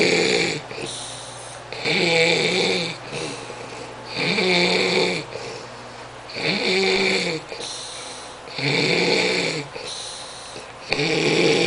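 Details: Loud, rattling snores from a sleeping friend, recurring about every two and a half seconds, roughly 26 a minute, each with a fluttering buzz on the breath.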